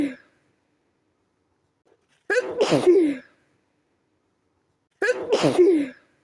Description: My nose was tickling... and every sneeze made the tickle worse... I couldn't stop sneezing.